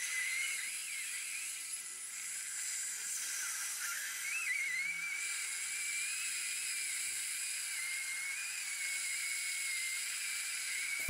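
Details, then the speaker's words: Surgical bone drill cutting around a horizontally root-fractured tooth into trabecular bone where the buccal bone was very thin, before bone grafting and implant placement: a steady high-pitched whine with a constant hiss. "you see this buckle bone was very thin so I'm cutting around the tooth into the trabecular bone that's where the blood supply comes from"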